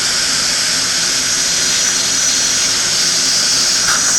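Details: Steady high-pitched whine of a dental surgical motor at low speed, driving a 2.5 mm mini implant into bone for upper denture stabilization in an anesthetized patient.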